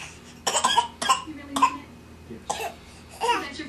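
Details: A young child who has just learned to cough deliberately gives about five short, dry, fake coughs on request, not from illness.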